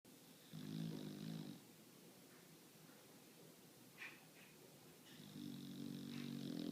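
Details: Bulldog sleeping: two low, rattling snores, each on a breath in, separated by quiet breathing; ordinary snoring.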